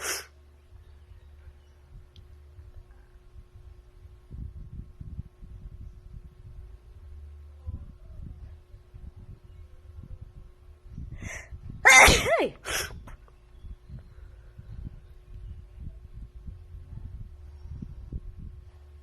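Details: Woman sneezing again in a quiet hotel room: a single sharp, explosive sneeze midway, with a couple of fainter bursts nearby.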